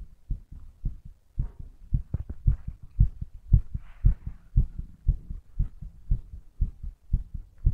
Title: STRONG HEARTBEAT